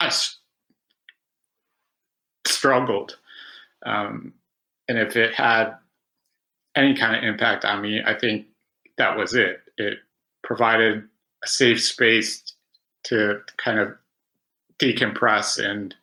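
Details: Adult man who has stuttered since about age five, with about 20 years of speech therapy; real stuttering.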